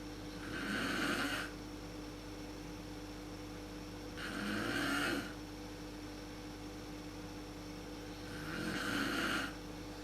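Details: Mother snoring in the dark, worst at sleep onset, recorded on a PowerShot SX130 IS camera: rough rattling inspiratory snores about 15 a minute over quiet room hum.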